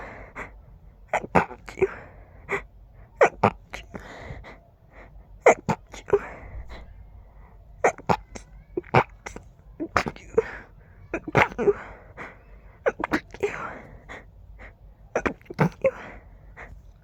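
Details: Person with allergies acting up, feeling the urge to sneeze with every breath: rapid run of short, stifled sneezes in quick succession with sharp intakes between them; sneezing fit.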